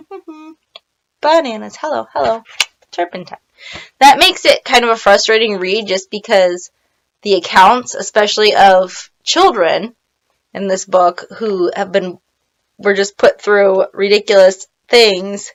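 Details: Adult woman with Tourette syndrome, on a day she describes as milder overall; vocal tics (Tourette syndrome).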